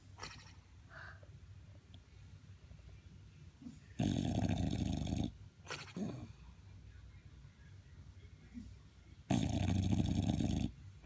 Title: Lil mick snores